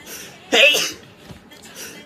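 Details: Single sharp, explosive sneeze with a brief voiced onset followed by quiet breathing, from a K-pop idol; sneezing.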